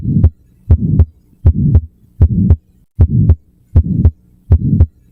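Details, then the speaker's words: Child or young adult, left sternal border: regular heartbeat near 80 a minute with a soft, gentle systolic murmur, louder lying down and disappearing on standing: innocent murmur. "You hear a soft systolic murmur at the left sternal border. It's gentle. It disappears when they stand and it gets louder when they lie down."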